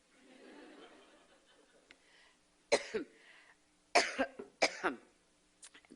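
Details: Adult woman speaking at a campaign event who loses her voice. Repeated harsh, forceful coughs in quick bouts, with room noise at the start: coughing fit.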